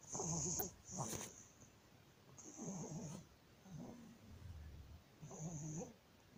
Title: Stridor baby 19 days#laryngomalacia part 2#laryngomalacie partie 2#الصرير الحنجري الجزء ٢